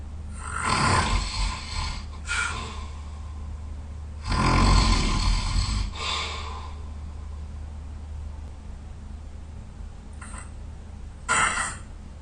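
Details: Loud, rough snoring from a very tired sleeper, with low rumbling on the breath, quieter pauses and a few short snorts.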